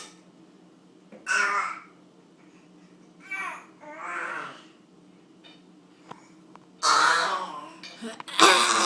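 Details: Five short, harsh coughs spread over several seconds, with quiet pauses between them and low room hum behind; coughing.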